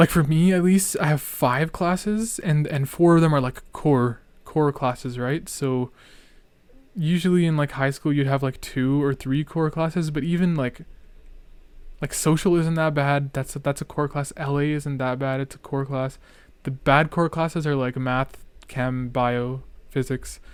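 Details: Real young male speaker who discusses his own stuttering and says he is stuttering a lot; part-word and whole-word repetitions heard; stuttering.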